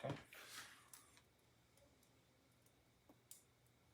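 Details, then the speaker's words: Abdominal percussion across nine locations during an abdominal exam: a few soft, hollow finger taps, normal tympany present, no marked dullness. "uh percuss the abdomen. So, first we're going to I'm just going to go through the nine uh locations and listen for temp."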